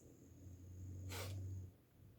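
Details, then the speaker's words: English bulldog snoring while lying down: a low rumbling snore with a snorting nasal burst, attributed to its short snout making breathing difficult. "Evo sad on krenu da hrča, ne znam da li čujete. Engleski buldozi su poznati po hrkanju, jer imaju tu kraću njušku i jednostavno disanje im je otežano,"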